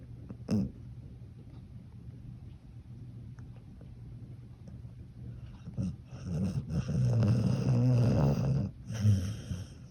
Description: My baby poppy, cocker spaniel snoring so cute!!